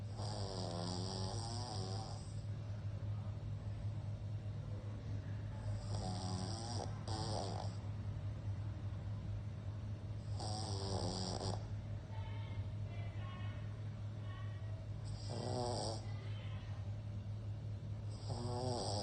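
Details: Sleeping pug snoring: loud rattling snores recurring every few seconds over a steady low hum, typical flat-faced dog sleep breathing.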